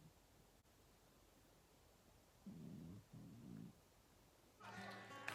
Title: Cat snores & lockdown chores.